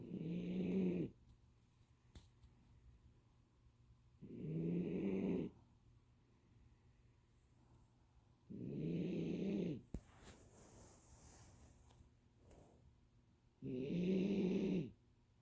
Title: Snickers snoring